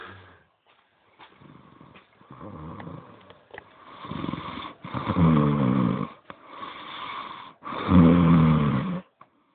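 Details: Favio asleep, giving loud, rattling, low-pitched snores with each breath, growing louder across the clip in a quiet room; snoring.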